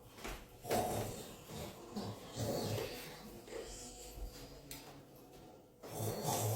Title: Snoring woman 🤣